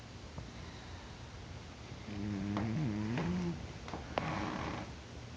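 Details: Cat in deep sleep, not waking despite being poked; a single soft, buzzy snore about a second long over low room hum. Snoring.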